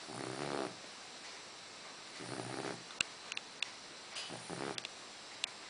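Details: Two or three soft, rattly snoring breaths with faint scattered clicks in a quiet room, from a sleeping 8-week-old Dogue de Bordeaux puppy; snoring.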